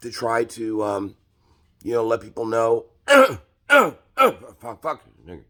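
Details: Vocal tic with coprolalia in an adult man with Tourette syndrome diagnosed at age 5; his tics worsen in crowds, at the grocery store and when hungry, and are milder at home.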